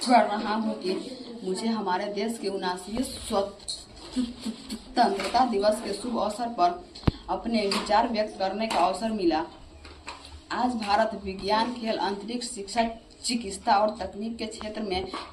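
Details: Mild stuttering, as described by his teacher, in a class 6 schoolboy reciting a memorised Hindi Independence Day speech.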